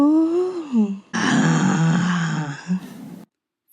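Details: A woman's disordered voice, used as a GRBAS rating practice sample: overall grade 3 (severely abnormal) and roughness 3, with marked irregular vocal vibration. Severe rough, hoarse voice (dysphonia).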